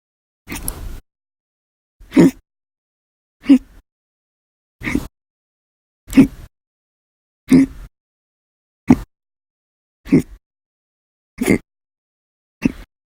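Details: Repeated hiccups: about ten short, abrupt gulping bursts with silences between, roughly 45 a minute and somewhat irregular; hiccups.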